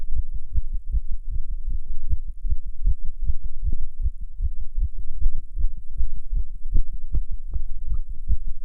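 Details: Non-smoker's heart while smoking a cigarette: rapid, regular heartbeat at roughly 110–120/min, a nicotine-induced tachycardia.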